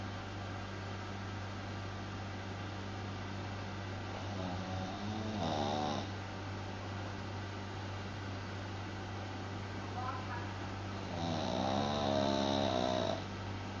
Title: Buster the Snoring dog ....